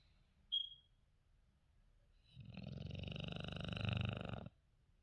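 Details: Female English Bulldog/Shar Pei mix: one long, loud, fluttering snore of about two seconds with rattling vibration, after a brief faint squeak; dog snoring.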